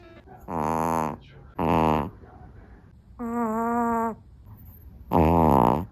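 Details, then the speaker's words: Loud, rattling, low-pitched snores in repeated bursts from a sleeping 8-lb small dog, with faint music behind: snoring. "trying to watch some TV but my dog won't stop snoring"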